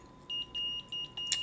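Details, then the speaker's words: Omnipod insulin pump alert worn by the speaker during a livestream: repeated high-pitched electronic beeps in short bursts. "i don't know why this is still beeping i wear omnipod and let me just turn off because it'll beep the whole time"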